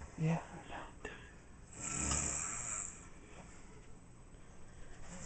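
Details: Elk snoring: a loud, rough, rumbling breath lasting about a second, followed by quieter breathing noise; large-animal snoring.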